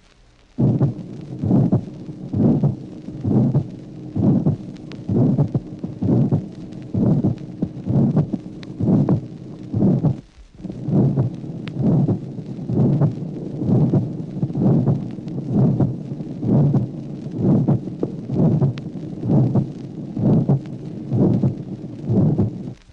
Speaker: Autre souffle mésosystolique d'éjection originant de la valvule aortique. Notez la forme rhomboïde caractéristique de ce souffle.